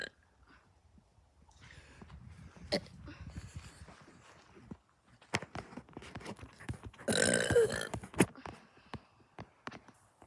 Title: Burping part 4! Like for a part 5! Full video!